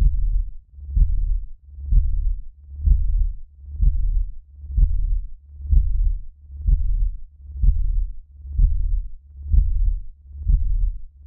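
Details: Heartbeat audio for relaxation and mind entrainment: steady, deep, muffled thumps at about 63 a minute, regular, with a low hum underneath.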